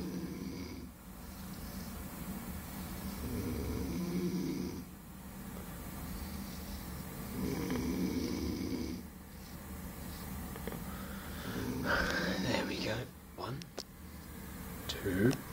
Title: snoring boy 2